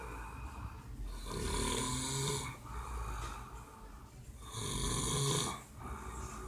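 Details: Adult man snoring after a rough night: loud, rattling snores on two breaths in, each over a second long, with quieter breathing out between, about 19 breaths a minute; ordinary snoring.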